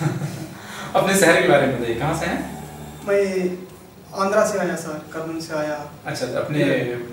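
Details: Two adult male speakers in conversation; ordinary speech.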